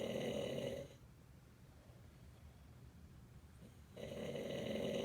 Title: Snoring father Texas